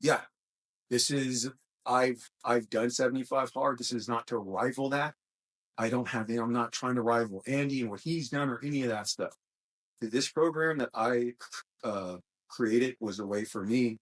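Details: Adult male host with a self-described small speech impediment, a stutter, which he links to his mind always moving fast since childhood; stuttering.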